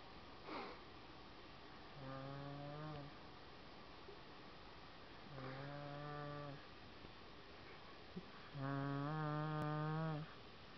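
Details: Sleeping berger dog snoring while someone farts on it: three slow, low, buzzing snores about three seconds apart, each with a steady vibrating tone.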